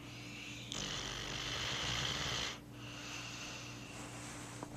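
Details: Dog sleeping on a couch after a hard day, snoring: long, hissing, whistly nasal breath noise with a wheezy quality, ending in a quieter pause.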